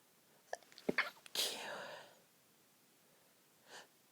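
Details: Woman trying to sneeze quietly next to a sleeping friend: quiet catching breaths, then a muffled, held-back sneeze and a softer one after a pause, stifled sneezing in a quiet room.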